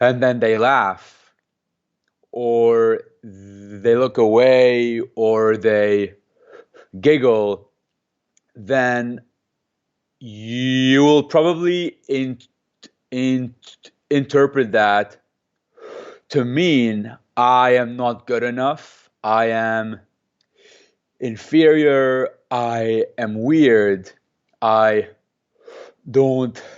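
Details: Adult man who has stuttered since age 2 or 3, speaking in an interview and using a McGuire programme breathing technique to control it; stuttering.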